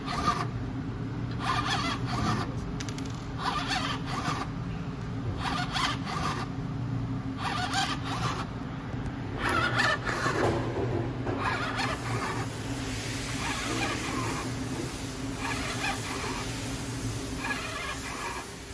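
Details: DIY COVID-19 emergency ventilator without tidal flow or absolute pressure control: steady motor hum with regular mechanical whirring bursts about every two seconds; mechanical ventilator cycling.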